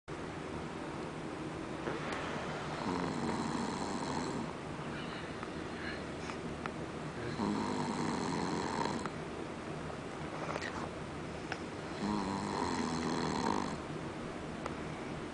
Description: Caught sleeping at the campfire / Snoring out loud